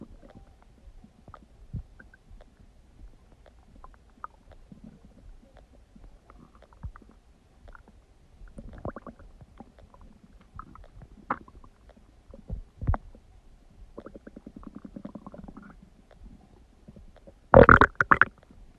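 Irregular gurgles, squeaks and rumbles from the belly, ending in a loud burst of gurgling.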